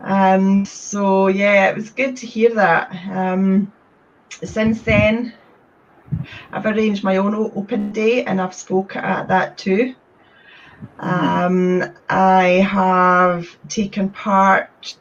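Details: Stuttering in a woman from Scotland who describes having had a speech condition.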